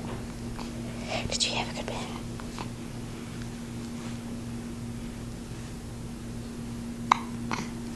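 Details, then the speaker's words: Infant hiccups after a bath: soft whispery sounds, then a couple of brief, sharp catches near the end over a steady background hum. "You got hiccups."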